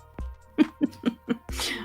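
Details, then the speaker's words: Pet dog sneezing, a rapid run of four short, snorting sneezes with a faint steady hum behind; owner jokes it is from Saharan dust. "I don't know if you could hear that or not but evidently my dog is sneezing from the Saharan Desert as well"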